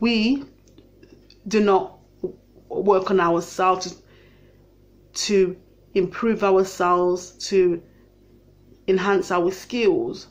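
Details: Stammering in an adult living with a stammer.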